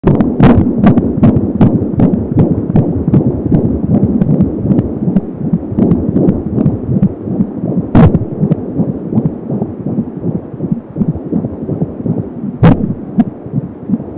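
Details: Fetal heart at 30 weeks of pregnancy on an Angel Sound home fetal Doppler: rapid, regular galloping beat at 170 per minute, with a whooshing umbilical cord sound. Fetal heart sounds on Doppler.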